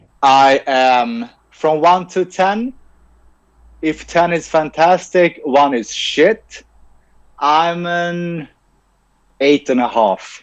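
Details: Adult male who stutters, has had speech and language pathologist therapy since age ten and later trained as a speech-language pathologist himself; real stuttering heard in interview speech; finding: stuttering.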